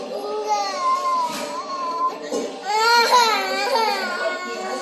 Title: House fly sothanaigal 😭 baby crying #viral #viralvideo #housefly #shorts #kidsvideo #toddlervideos